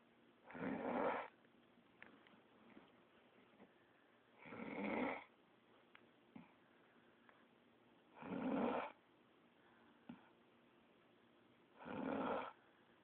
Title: World best snore!!!!!